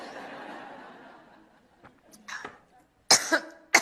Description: This clip, from the Makers Conference earlier this year, features coughing her way through a live speech.